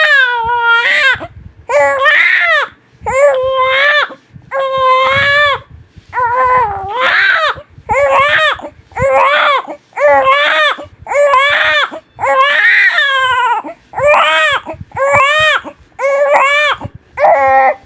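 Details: Loud, rhythmic cry of a newborn baby in repeated bursts of about one a second, with brief breaths between, in a quiet room; sustained newborn crying.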